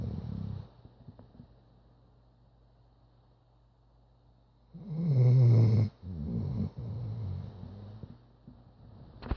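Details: Sleeping chocolate Labrador snoring: low, rumbling snores between quiet breaths, with faint room noise.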